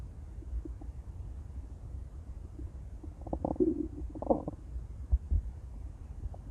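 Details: Intense stomach growling: low gurgling rumbles with a louder burst of bubbly growling midway, as gas and fluid move through the gut.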